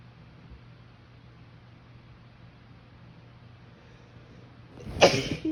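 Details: Adult woman sneezing in bed during ragweed-season allergies: a quiet room, then one sudden, forceful sneeze near the end, with some phone rustling.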